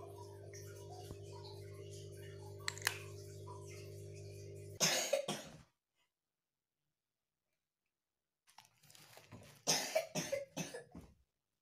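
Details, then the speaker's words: Two separate bouts of short coughs from a child who has had an ongoing cough, with a steady electrical hum beforehand. "anakku lagi batuk-batuk terus jadi kakinya mau aku kasih bawang merah"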